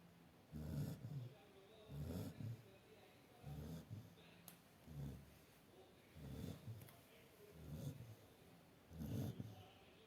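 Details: Lucy snoring while sleeping: regular low snoring with a snorting edge, about 40 breaths a minute, in a quiet room.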